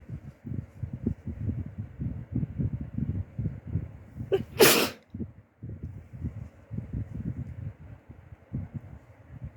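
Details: Person almost recovered from the flu, sneezing: one sharp, explosive sneeze with a quick catch of breath before it, over low rumbling background noise.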